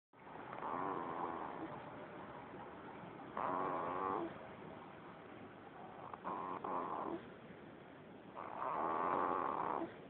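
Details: Repeated nasal, buzzy snores recurring steadily, about four in ten seconds, with quiet breathing between them, recorded on a smartphone.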